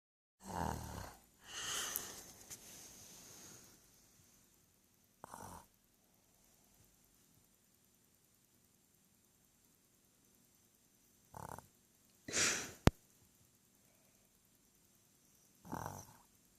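Harsh, rattling snores come in uneven bursts separated by long quiet pauses, an irregular snoring pattern.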